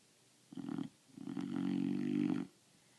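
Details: A sleeping Boxer puppy makes two low, rumbling snorts on breathing, the second longer and more drawn out; loud snoring.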